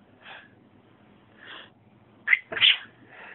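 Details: A pet named Woody sneezing and coughing: soft snuffly breaths, then a sharp double sneeze burst from a small animal, in a quiet background.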